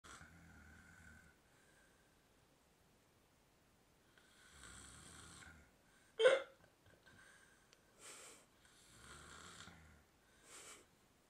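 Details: A drunk adult man passed out asleep, snoring and hiccuping at the same time: low rattling snores alternating with a sharp, gulping hiccup in a quiet room.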